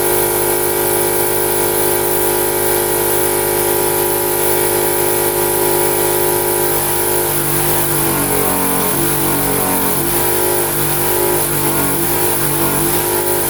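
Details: Suction machine during an infant suctioning demonstration, turned on after the catheter is connected to the suction tubing: a steady motor hum with a constant tone, then shifting gurgling as suction is applied.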